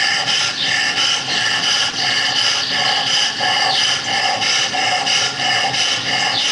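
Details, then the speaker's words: Inspiratory stridor in a dog, probably from laryngeal paralysis (other causes still to be ruled out): loud, harsh, rasping upper-airway obstruction noise with each breath cycle. "this dog most likely has lenial paralysis that's most likely the reason for the upper Airway Strider and sounds of obstruction that you're hearing"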